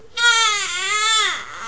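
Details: One-month-old sick baby girl with whooping cough and recent coughing fits and gasping spells: a single sustained, high-pitched wail rising then falling over about 1.5 seconds, an infant cry.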